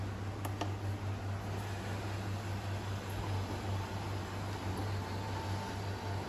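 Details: BiPAP machine powered on, connected via tubing to a tracheostomy with oxygen port, giving a steady low motor hum and airflow hiss.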